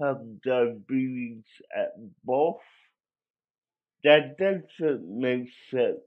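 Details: Dysarthric speech in an adult male with cerebral palsy, which he believes was caused by a drug overdose; the condition affected his voice, and he cannot walk and has muscle spasms.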